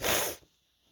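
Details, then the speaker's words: A single loud, hissing burst of air fading quickly to quiet from an adult male after describing a tingling nose building up; an ordinary sneeze. "I'm back because I was feeling some sneezes coming. Oh, I love that feeling, when it's all take, hey, hey, hey, hey, when it's all tingling, in your nose, in your nose."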